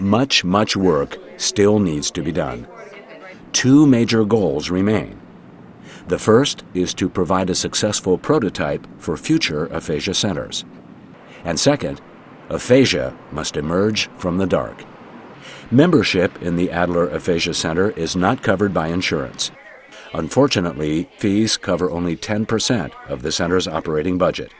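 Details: Adult male narrator; normal speech.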